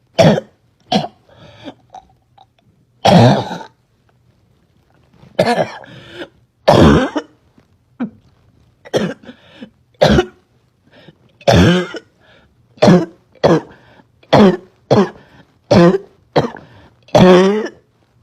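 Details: Girl with a terrible barking cough she couldn't stop: about twenty repeated harsh, barking coughs in a long run with some throat clearing; persistent barking cough.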